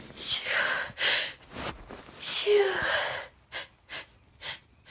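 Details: Female sneezing from a tickle: a few sharp inhaled gasps each followed by an explosive burst of air, then short quieter puffs; series of sneezes.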